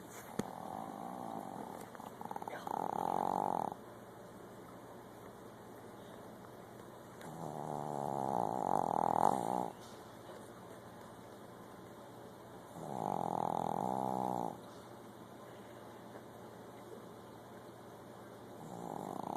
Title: Snoring dog...Riley!